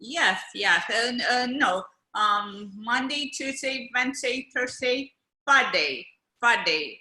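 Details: Adult woman, stroke survivor in India, with aphasia after a stroke five years ago, doing speech therapy every weekday; aphasia.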